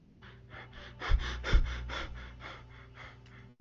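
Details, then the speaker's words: Cheyne-Stokes respiration: quick breaths build to a louder peak then fade toward silence, with periods of apnea between cycles of gradual increase and decrease in breathing. "Cheyne-Stokes breathing pattern is described as a period of apnea, followed by gradual increase and decrease, and another episode of apnea. And here's how it sounds like."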